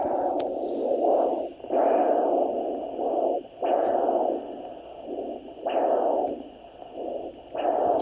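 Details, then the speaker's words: Maternal heartbeat of a pregnant snake (ghost het moon × moonglow) on fetal Doppler, 72 days after ovulation, probe on her side about a foot below the head: strong, slow whooshing pulses about 30 a minute. "so a good way to determine what is her heart beating what's the baby's heartbeat and to actually just go and find hers I always go to the upper half"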